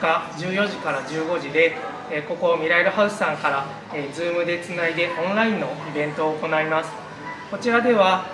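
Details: Adult man speaking Japanese; typical speech.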